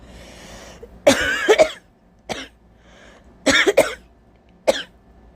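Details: Adult coughing suddenly in two short bursts, wet and phlegmy, with breathy intakes between them; productive cough.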